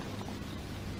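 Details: Coarse crackles in a consented real patient with bronchiectasis, heard by stethoscope over the infrascapular chest as bilateral crepitations: brief, low, bubbling crackles over rising breath noise.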